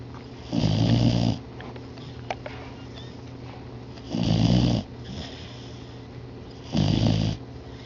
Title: snoring beagle